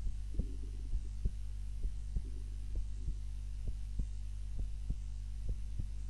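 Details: Heartbeat recorded on a timer during a nap, lying on the back rather than the usual face-down position; steady low thumps at about 66 a minute over a constant low hum.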